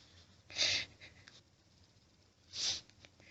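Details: Adult female's loud, intense, wet repeated sneezes, two forceful bursts about two seconds apart, after stifling many sneezes left her nose itchy and burning; louder and wetter than her usual sneezing, with a washcloth held in front of her face.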